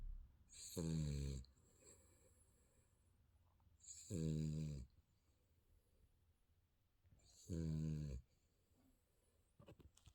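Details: Sleeping baby snoring: three short, loud, buzzing voiced snores at about 18 per minute with quiet breathing between, in a small quiet room.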